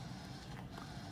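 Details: A low, continuous mechanical whirring from a small motor: a CADD epidural infusion pump delivering a 0.5 clinician bolus dose in a demonstration.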